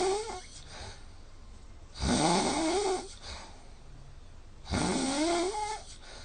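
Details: Heavy habitual snoring recorded with the Snoring Lab app between 5 and 8 a.m. Night's sleep was about 4 hours, with about 3 hours snoring (80%) and a score of 166. Loud, rough snores rising on each in-breath, two in six seconds.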